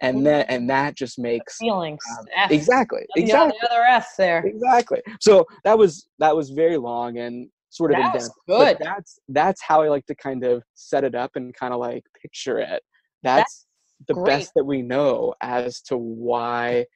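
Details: Adult man who stutters, with words and syllables getting stuck and not coming out at the right time; stuttering.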